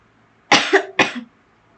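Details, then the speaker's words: Two quick harsh coughs in a quiet room from an adult who is unwell with a sore throat and has been coughing repeatedly throughout the recording. "Mohon maaf juga karena saya batuk-batuk terus dari awal video sampai akhir."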